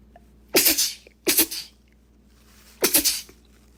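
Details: Three sharp, explosive bursts of air in quick succession, each with a hissing release, from a girl: a run of sneezes.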